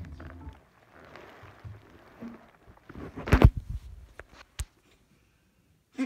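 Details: Pet's cough, recorded July 2017: one loud, harsh cough burst followed by a few smaller hacks, with faint television talk in the background.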